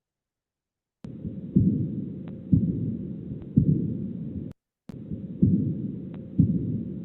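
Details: Aortic regurgitation diastolic murmur.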